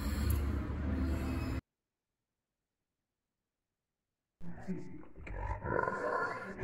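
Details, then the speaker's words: Loud, harsh, roaring inspiratory breath noise from a 12-year-old dog on admission with cyanotic tongue, open-mouth breathing and severe respiratory distress, from laryngeal paralysis; inspiratory stridor. "you can hear the strier so we have severe dnia"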